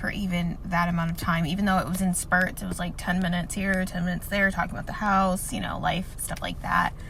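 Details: Dysphonia from vocal cord paralysis in an adult woman, one vocal cord not working at all, thought to follow a viral illness about a year earlier; voice worse after long talking the day before, lacking full range; surgery planned.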